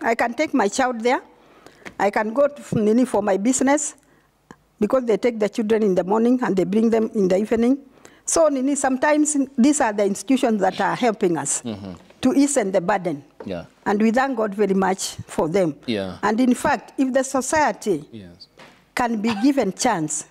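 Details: Adult woman; Normal speech.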